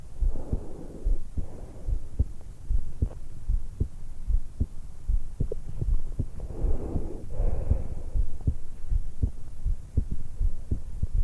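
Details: 20-year-old woman just after waking, lying supine in bed, stethoscope microphone on the suprasternal notch at the base of the throat: steady soft heartbeat about 76/min under slow breathy airflow in and out; normal resting heart and breath sounds.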